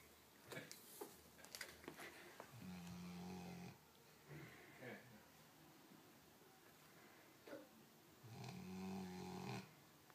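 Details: Sleeping dog snoring: two long, low rattling snores about five seconds apart, with soft snuffling breaths between, in a quiet room.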